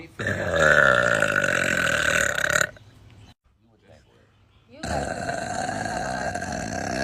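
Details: Two long, loud, rumbling belches from a girl, separated by a short quiet gap, from a burping compilation; burping.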